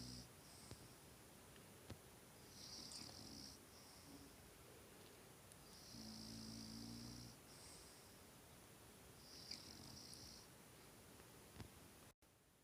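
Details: Sleeping French bulldog snoring in a quiet room: rough, rattling noisy breaths about every three seconds, three snores in all.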